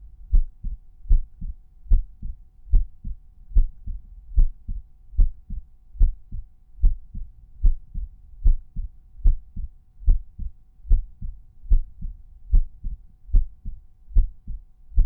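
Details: Resting heartbeat at the tricuspid auscultation point: regular lub-dub at about 74 a minute; normal heart sounds.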